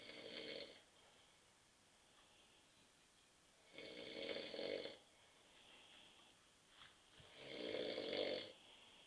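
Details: Adult husband asleep on a sofa at 9.30 p.m. after too many beers: loud, rough snores about every 3.5 seconds, roughly 17 a minute, with quieter breathing between; ordinary snoring during sleep.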